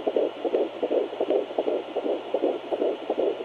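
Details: Fetal heartbeat at 11 weeks 3 days of pregnancy: fast, regular whooshing beats about 160 per minute over a steady hum.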